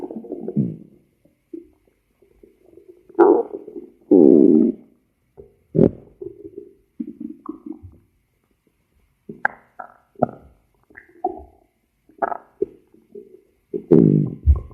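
Irregular gurgling, rumbling and bubbling bursts separated by quiet gaps; stomach growling from gas and fluid moving through the gut.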